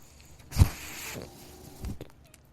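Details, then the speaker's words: Soft mechanical thump, an airy hiss under a second, then a second thump as the speaker's own mechanical ventilator delivers a breath during a podcast recording; mechanical ventilator noise. "my name is that noise you're hearing is my ventilator thank you for tuning in to only what you take with you"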